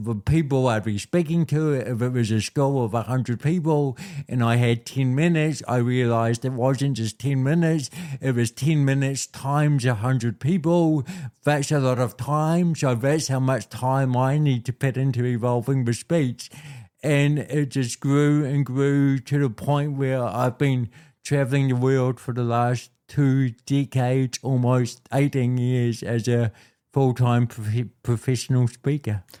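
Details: Adult man with cerebral palsy since birth, a physical disability affecting how messages travel around his body, told his biggest challenges would be walking and talking; speaks with dysarthria (cerebral palsy).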